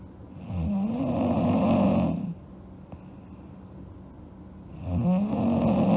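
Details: Snoring during sleep in a girl: two long, rattling, vibrating breath sounds separated by a quiet pause.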